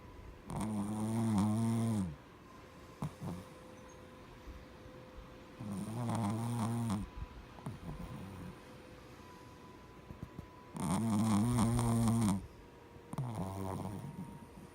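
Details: Oreo, a very tired sleeping pet, snoring loudly: about four rattling bursts over fifteen seconds with quiet pauses between.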